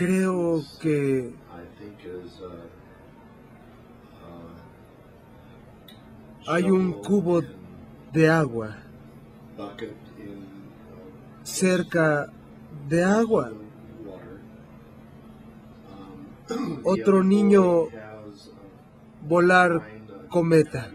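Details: 57-year-old right-handed man with nonfluent-variant primary progressive aphasia, symptom onset 2 years earlier, describing a picture; omits articles and pronouns, misuses verbs, slow effortful speech without obvious apraxia of speech; agrammatism (nonfluent primary progressive aphasia).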